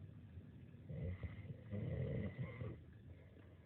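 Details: Low, rattling snore sounds in rough bursts on breathing from a sleeping adult who only just found out they snore: snoring.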